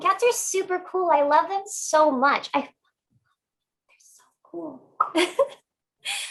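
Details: Complex vocal tic, a phrase, in an adult woman with Tourette syndrome.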